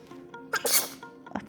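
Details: Infant's single sharp sneeze, brief quick intake then a hissing burst, after poking a finger in his nose on waking; faint music behind.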